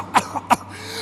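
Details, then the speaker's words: Two short, sharp coughs in an acted church drama scene, simulated COVID-19 illness: character complains of severe difficulty breathing and persistent cough before seeing a doctor; cough. "Doctor क्या हुआ आपको मुझे सांस लेने में सांस लेने में बहुत दिक्कत है और खांसी"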